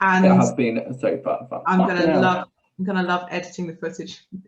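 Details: Adult speaker; Normal conversational speech.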